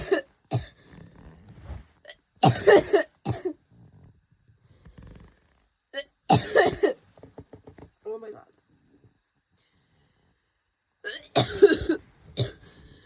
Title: Coughing fit! Ouchie!!